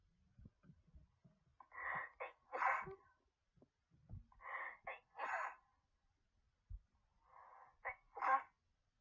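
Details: Person with pollen allergy sneezing three times, each a short breathy intake then a sharp burst, quiet breathing between.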